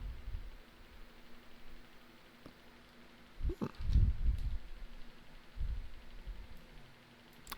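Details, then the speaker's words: Dog snoring in the background during a livestream, faint low rumbling snorts in a few irregular bursts over quiet room noise. "Yes, that is my dog snoring, if you heard that sound."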